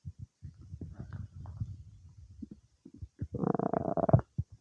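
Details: Stomach noises some time after eating cake: low gurgling and bubbling rumbles ending in a louder, drawn-out growl; ordinary digestive bowel sounds.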